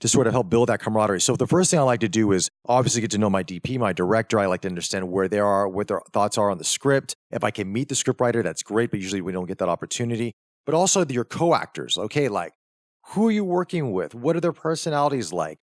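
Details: Adult man speaking; ordinary fluent speech.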